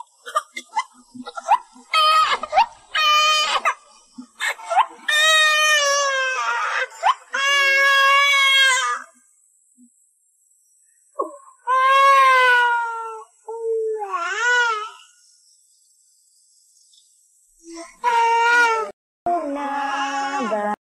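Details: A 6-month-old baby, possibly hungry, cries in repeated high-pitched wails and fussy bursts separated by pauses for breath: infant crying.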